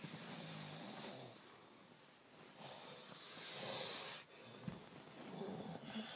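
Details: Person snoring: quiet, airy, raspy snoring breaths in repeated cycles, with faint room noise.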